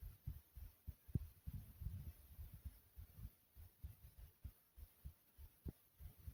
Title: Pumping Heartbeat Sound (earphones required)